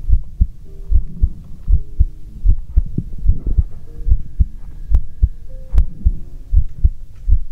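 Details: Regular lub-dub heartbeat at about 75 beats a minute, heard through a stethoscope, with light stethoscope rubbing noise; a relaxing ASMR heartbeat recording.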